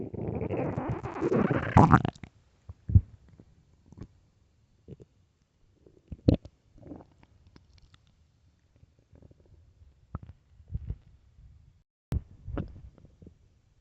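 A rushing rumble at the start, then sparse low pops, gurgles and short growls in a quiet room, ordinary stomach growling.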